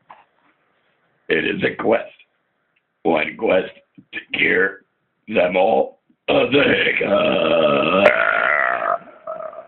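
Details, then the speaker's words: Several loud, deliberate belches by an adult for fun during a belching contest, the last long and drawn out; repeated belching with hiccups that followed, noted as possibly causing stomach ache and vomiting. "so far excessive burping can cause stomach ache hiccups oh damn and possibly puking ew"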